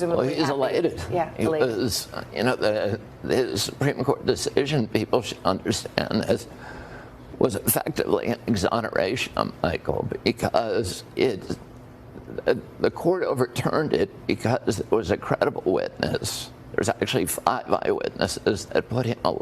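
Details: Spasmodic dysphonia, a neurogenic voice disorder with uncontrolled laryngeal spasm of the vocal folds, in a well-known individual.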